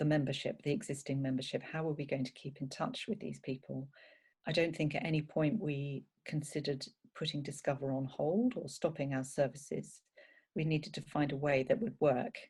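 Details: Adult speaker; normal speech.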